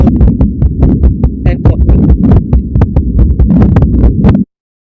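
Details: Newborn heart sounds from a teaching app, heard at the posterior (back) position: rapid, soft paired heartbeats, quite quiet, a normal infant heart sound.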